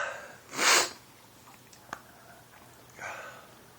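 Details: Person with daily uncontrollable sneezing (5–50 times a day since 2011) and, per their doctor, allergies to dust, pollen and trees: one loud sneeze, then a few sniffs and a softer exhale in a quiet room.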